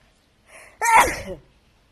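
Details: A person sneezing: a short breathy inhale, then one loud explosive sneeze with a voiced tail.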